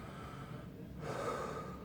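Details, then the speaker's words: Adult patient in hospital for chemotherapy takes a deep breath on request during heart and lung auscultation; no crackling or wheezing, lungs sound clear; normal deep breathing. "But your lungs sound clear to me. I don't hear any crackling, any wheezing."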